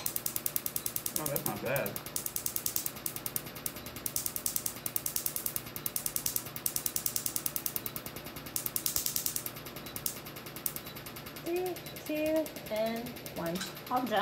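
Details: Laser tattoo removal device firing a fast, steady train of sharp snapping pulses during a treatment session with countdowns, followed by a few brief voices.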